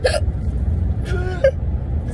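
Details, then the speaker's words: Two abrupt, short voiced catches about 1.4 seconds apart over steady car noise; the person complains that someone is mimicking their hiccups: hiccups. "h heard this for Potato Head no stop mimicking my freaking hiccups squ Miss Potato"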